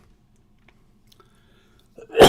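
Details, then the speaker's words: Speaker diagnosed with idiopathic pulmonary fibrosis (IPF), though a recent CT suggests it may be something else: near silence with faint mouth clicks, then an abrupt, loud, harsh cough burst, cut off at its start. "excuse me since you can hear me coughing. Um I'll explain what's going on. I have a a um I've been diagnosed with a lung disease called IPF, which stands for idiopathic pulmonary fibrosis."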